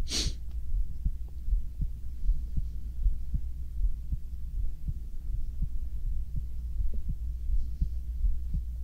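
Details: Young man's heartbeat recorded binaurally while lying down to sleep: steady, muffled low thumps about 80 a minute, regular, possibly with stomach sounds; normal heart sounds.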